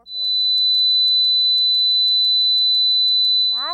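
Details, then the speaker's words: A steady high-pitched ringing tone simulating tinnitus, played as a warning sign of exposure to loud noise, such as a rock concert, during a discussion of hearing and tinnitus treatment. "I want to hear that sound again, if you don't mind, the tinnitus, the ringing sound."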